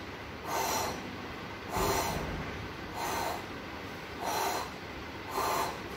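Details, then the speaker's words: Simulated pansystolic murmur of a ventricular septal defect, vocally imitated on a dummy patient as repeated blowing whooshes, about 50 a minute, loudest at the lower left sternal border near the tricuspid area. "So this is the murmur, pansystolic murmur of ventricular septal defect."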